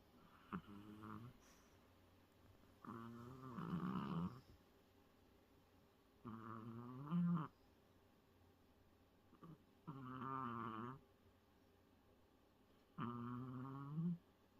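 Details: Snoring in a sleeping Pomeranian: rhythmic, rumbling snores, about four in fifteen seconds, each ending with a brief snort.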